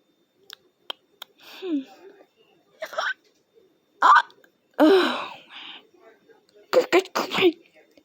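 Short sharp hiccup clicks mixed with brief voiced squeaks and gasps; cartoon hiccups.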